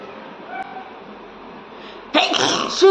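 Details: Woman's sneeze, deliberately triggered by tickling the nose with paper: quiet room noise, then a sudden loud sneeze burst with a voiced ending.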